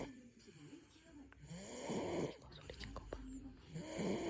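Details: Soft, irregular snoring noises from a sleeping 6-month-old baby, with some room noise.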